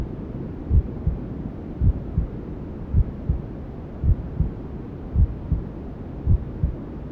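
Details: Maternal heartbeat sound with white noise and other womb sounds, for settling a newborn to sleep: steady paired low thumps about 54 a minute over a constant soft hiss.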